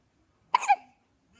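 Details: Baby hiccupping: a single abrupt voiced hiccup with a sharp onset and quick fall-off, otherwise quiet.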